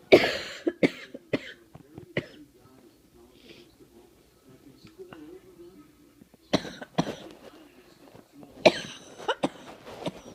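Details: Sharp sneeze-like bursts followed by clusters of coughs, with faint room noise between; a head cold that has turned into a chest cold, where sneezing sets off coughing.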